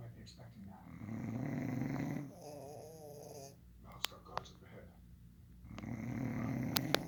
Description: My fiancé and my pug, Caesar going back and forth snoring until I got caught🤣🤣